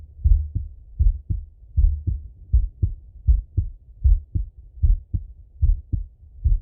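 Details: Male heart auscultation through a stethoscope, recorded sitting or lying: steady paired lub-dub heartbeats at about 78 a minute with clear first and second sounds and nothing added between them; normal heart sounds.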